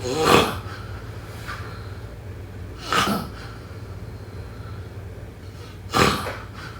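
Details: Snoring during sleep: harsh, noisy breaths recurring about every three seconds, roughly 20 a minute, over a steady low hum.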